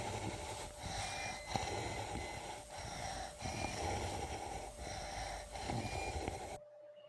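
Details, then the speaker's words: Rhonchi heard at a distance without a stethoscope: coarse, rattling, low-pitched breath sounds at about 29 a minute, from secretions moving in the airways as the patient breathes. "Dentro del ronquido, lo que escuchamos más que nada es la movilización de secreciones al momento que el paciente respire. En este caso, el sonido expuesto es un ronquido a distancia."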